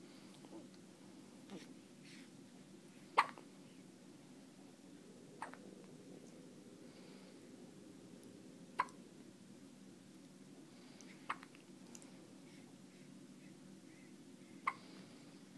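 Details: One-day-old newborn with hiccups: brief, sharp hiccup sounds recurring irregularly, about five in fifteen seconds, over steady room noise.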